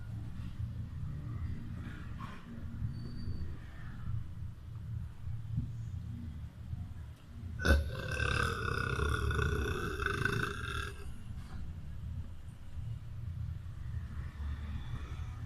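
One long, voiced, rumbling burp lasting about three seconds over low background rumble.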